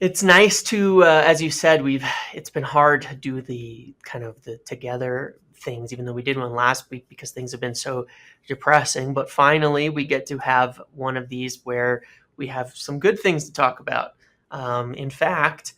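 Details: Adult male speaker; Normal voice.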